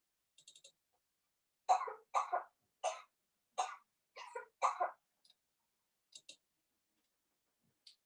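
A child's run of about six loose, rattly coughs: a wet, productive cough with mucus in the airways.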